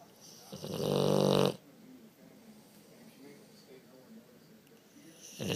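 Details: Sleeping boxer dog snoring loudly: one long, loud, rattling snore, then quiet breathing before the next snore begins.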